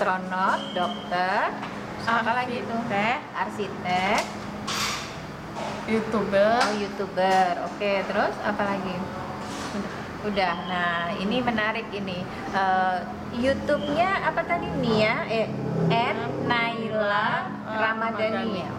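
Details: Speaker, likely adult woman or older child; ordinary speech.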